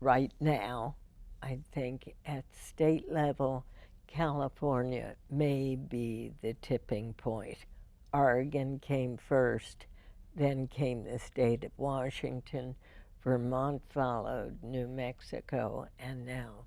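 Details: Woman with spasmodic dysphonia, diagnosed in 1998, treated every four months with botulinum toxin injections into the vocal cords; speech with deliberate pacing; spasmodic dysphonia.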